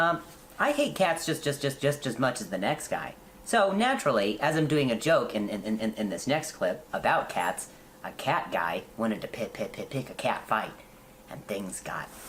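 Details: Stuttering in an adult male comedian who says hearing noises in his ear while talking makes him stutter; real, not acted.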